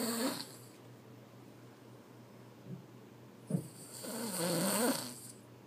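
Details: Two rough, rattling snoring breaths several seconds apart, with a steady hum in the room; snoring.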